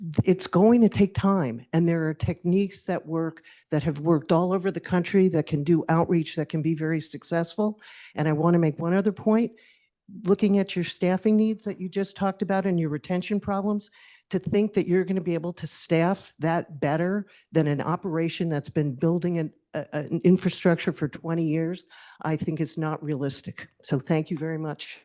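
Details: Adult speaker at a public meeting; Normal voice.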